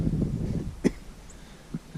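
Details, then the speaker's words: An adult out metal detecting coughs outdoors: a single short, dry cough with low outdoor rumble. Cough. "little Dust in the Wind I'm coughing"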